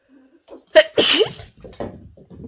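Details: Person's single loud, explosive sneeze with a sharp burst of air, startling a pet squirrel, followed by soft voice sounds.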